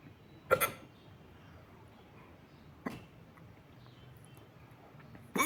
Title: hiccup closer